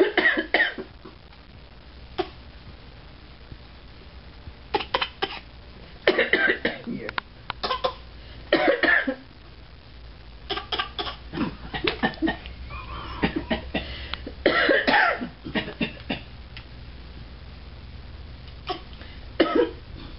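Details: A baby girl playfully imitating coughing with repeated short, breathy play coughs, not an illness cough.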